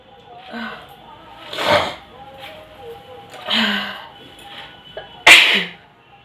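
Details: Sneezing challenge: several sharp, explosive sneezes, each led by a brief in-breath and released as a hissing blast, repeated with background music.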